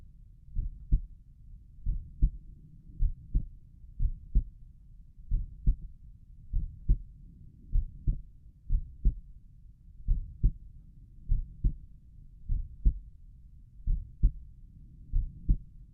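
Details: Own heartbeat at Erb's point, recorded while lying down and trying to relax: steady two-part lub-dub heart sounds at about 52 beats a minute.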